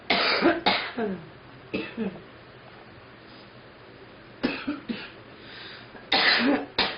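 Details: Girl coughing: several harsh, short, dry-sounding coughs in clusters separated by quiet pauses, in a small room.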